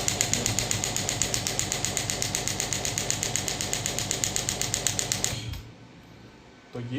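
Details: Pneumatic ballistic radial extracorporeal shockwave therapy (ESWT) device with large touch screen, demonstrated at maximum setting, frequency 22, shots counted: rapid regular sharp clicking pulses, about four a second, then stopping.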